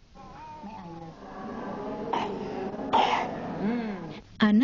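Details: A fretful child whimpers and vocalizes, broken by two or three short, harsh cough bursts, in a training clip on assessing a child with cough or difficult breathing; childhood cough.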